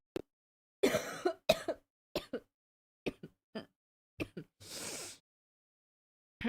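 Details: A few short dry coughs and throat clearings in a quiet room, with one longer breathy burst, from an adult who is sick and has been coughing all day.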